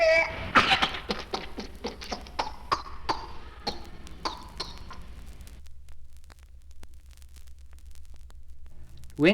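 A child's rapid run of about fourteen short coughs without a breath between, then a pause and a high rising whoop on inhaling: pertussis paroxysm.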